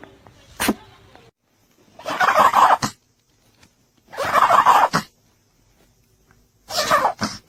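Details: A run of animal sneezes: a short burst, then three noisy, gobbling, snorting bursts roughly two seconds apart.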